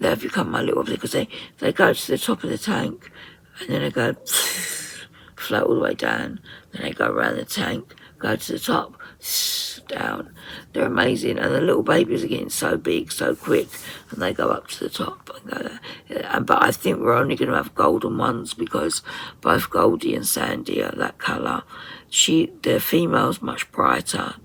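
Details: 57-year-old woman with muscle tension dysphonia (very tight, stressed muscles around the vocal cords) beginning after COVID pneumonia, also affecting swallowing; severe at times, in speech therapy; ENT found mucus and laryngeal infection.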